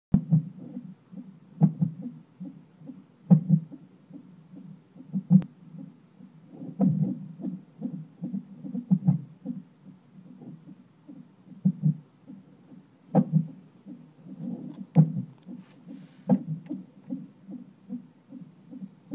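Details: Hiccups heard during a heartbeat recording: soft, low, jerky thumps recurring about every one and a half to two seconds, with small catches of breath.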